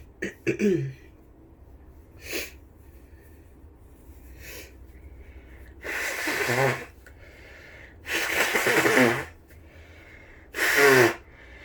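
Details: Several forceful sneezes with sharp inward breaths between, then a nose blow, during a bout of flu: repeated sneezing from an irritated, congested nose.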